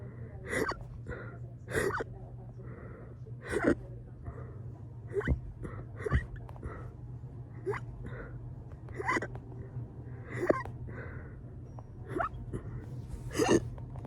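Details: Roughly a dozen rapid hiccups in fourteen seconds, each a sharp voiced catch with breathing between, over a low hum; fast hiccups induced by burping.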